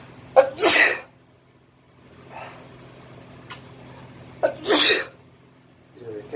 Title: My boyfriend sneezing on me in the bathroom (m)